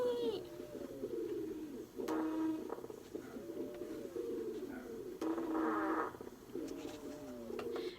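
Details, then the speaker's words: Teaching example of wheezing, linked to airway narrowing as in COPD, asthma or a foreign body: musical, whistling tones through repeated breaths, heard in inspiration and expiration. "so as far as wheezing goes um there can be high-pitched low pitched a lot of times I feel like it sounds like a little child screaming like"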